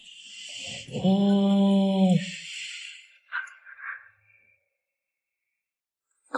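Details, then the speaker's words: A sleeping giant panda gives one loud, buzzy, tonal snore followed by a few faint softer snuffles: snoring. "南雄が聞きました。次の秒に相手がいびきをかくハイビジョン動画を放ちますよ。"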